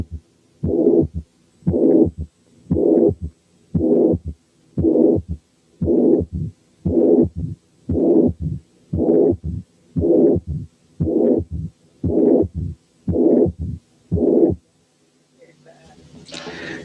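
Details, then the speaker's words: Mitral incompetence: heart sounds alone, then pansystolic blowing murmur filling systole; diastole first empty, then a third heart sound, then a mid-diastolic murmur appears; regular heartbeat near 58 a minute. "وبعد ما نسمعهم ركزوا على الدايستلي، الأول هتلقوه فاضي، وبعدين هيظهر الثيرد هارت ساوند، وأخيرا هتبان الميد دايستوليك ميرمر."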